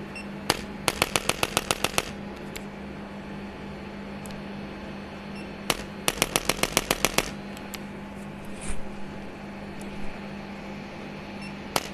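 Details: Two rapid bursts of about eight sharp mechanical clicks each over a steady room hum: a spring-loaded chiropractic adjusting instrument used along the spine during treatment for chronic back pain.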